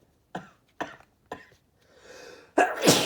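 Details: Man sneezing after strong chhinkni snuff: three quick sharp sneezes in a row, a breathy inhale, then a louder fourth sneeze; sneezing fit brought on by nasal irritant snuff.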